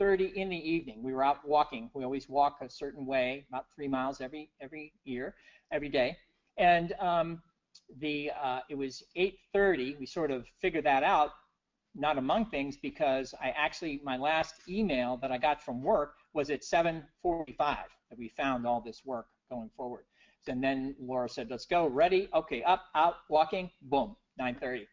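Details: Adult man with persisting aphasia after a stroke in 2011, years into recovery following aphasia therapy; he notes having just said wrong numbers; aphasia.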